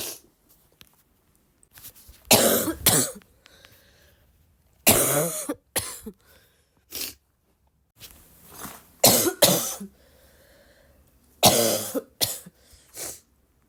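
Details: Person coughing gives repeated bursts of harsh coughing, often in pairs, about six episodes in under fourteen seconds with quiet gaps, followed by exclamations of pain; recurrent coughing.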